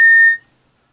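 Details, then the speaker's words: O-Two CAREvent ALS+ automatic transport ventilator: a single sharp high-pitched beep of about a third of a second, one pulse of the audible alarm that sounds when gas supply pressure drops below 40.6 psi. "should the gas supply pressure drop below forty point six pounds per square inch the visual indicator will flash green to black and a pulse audible alarm will activate warning the rescuer that the gas supply pressure is running low"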